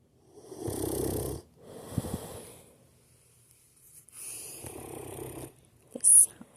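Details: Snoring in a sleeping Mastiff dog: deep, rattling snores on its breaths with a pause between snores.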